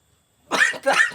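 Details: A cat gives two short, harsh coughing bursts after a moment of silence; cough.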